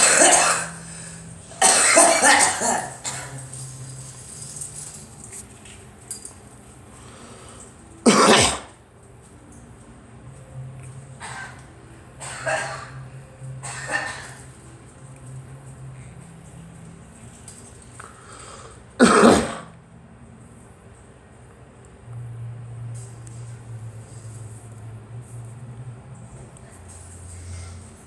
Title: Girl coughing